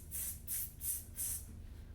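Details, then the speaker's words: Medical-grade compressor nebulizer near the end of a treatment: four bursts of hissing spray with uneven sputtering between them, the sputter signalling the treatment is nearly finished. "I would call that a sputter as soon as the nebulizer starts sputtering that is our clue that we're getting near the end of the treatment"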